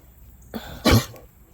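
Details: A donkey that brayed with food in his mouth and began choking. A short throaty sound, then a single harsh, explosive cough, after which the food came back up and he chewed it.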